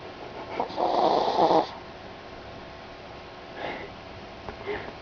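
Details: Snoring in a sleeping female chihuahua described as a deep sleeper: one loud, raspy, drawn-out, odd-sounding snore followed by softer snuffling breaths.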